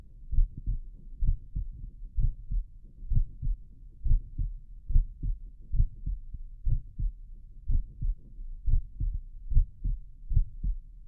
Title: Visible heart auscultation in left lateral decubitus position